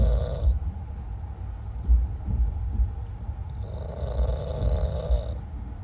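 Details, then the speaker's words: Man snoring in sleep at night on an overnight train: low, rough rumbling snores recurring with each breath over steady train noise; ordinary snoring. "भाभी सो चुकी हैं, पापा अपने phone में busy हैं। और अब सुनिए के खर्राटे।"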